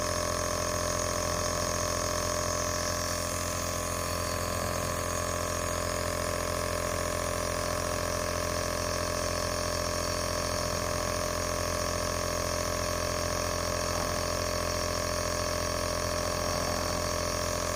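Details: Nebulizer running continuously with a steady mechanical hum and bubbling hiss.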